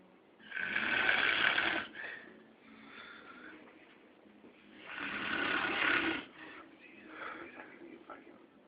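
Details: Adult man snoring after too much to drink on New Year's: very loud, harsh, rattling snores on each in-breath, with softer noisy out-breaths, about 14 breaths a minute; heavy snoring.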